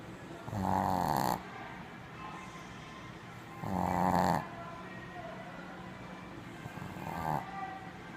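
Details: Tired, sleeping puppy: loud rattling snores on each breath, about 20 a minute, with quiet pauses between them; snoring.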